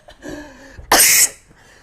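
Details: Single loud, harsh, dry cough from a person, about a third of a second, after a brief voiced sound, in a quiet room; the cougher says this happens when the throat suddenly feels dry.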